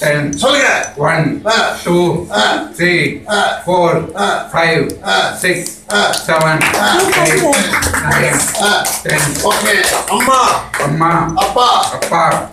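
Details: Adult speaker, therapist modelling speech; speech therapy modelling of counting.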